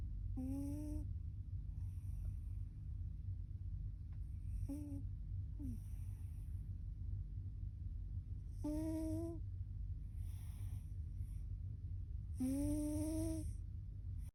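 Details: A sleeping ginger cat snores with squeaky, whistling snores about every four seconds, roughly 15 breaths a minute, with softer breathy sounds between and a steady hum behind.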